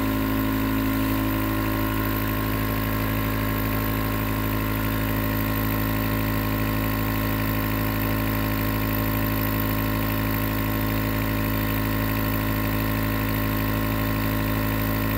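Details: Nebulizer compressor running as white noise for sleep: steady, loud mechanical hum with fast, even pulsing throughout; nebulizer running.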